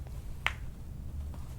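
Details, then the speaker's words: Single sharp knuckle crack during a chiropractic session, against low room noise. A harmless joint pop. "That was my knuckle. I mean, the right side actually was pretty loud, though."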